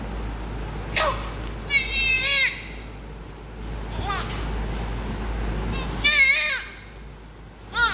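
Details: Newborn baby girl crying hard shortly after an evening birth during cleaning: high-pitched cries in short, strong bursts with pauses, over steady room noise; a vigorous newborn cry.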